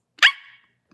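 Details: Girl with Tourette syndrome during a livestream; one sharp, high-pitched bark-like yelp, her barking vocal tic, which she says is always high-pitched, never deep.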